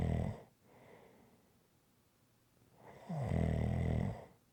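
A soft breath, then one loud, low, rattling snore on the in-breath; ordinary snoring.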